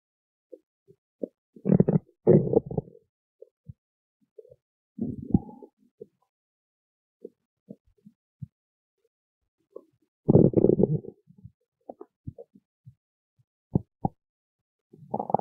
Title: stomach growling 9